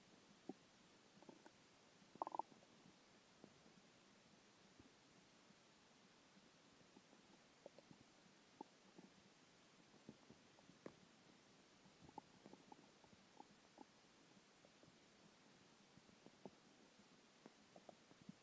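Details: Stomach growling after skipping lunch: quiet gurgles and soft irregular rumbles over a faint hiss. Ordinary hunger borborygmi, a normal bowel sound.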